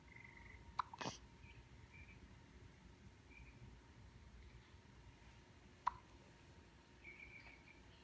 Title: Baby With Constant Hiccups